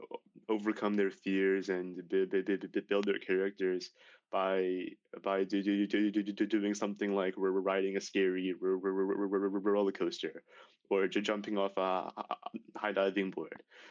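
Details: Male high school senior who began stuttering severely at age 10, with six years of speech therapy; stuttering runs in his family (father and uncle stuttered); stuttering.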